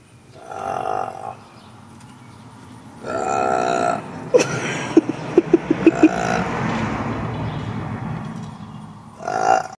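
Long, deep, rumbling belches with a series of short gulping pulses between them, over steady outdoor background noise; loud burping.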